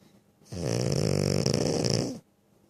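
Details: Pug, a flat-faced dog breed, snoring loudly: one long, loud, buzzing snore lasting under two seconds; snoring.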